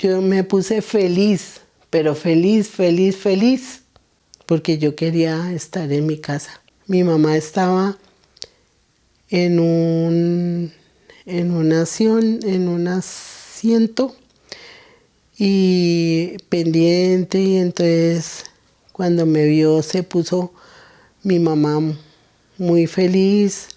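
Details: Older woman with Broca's aphasia after a stroke, speaking after returning home from the clinic; Broca's aphasia.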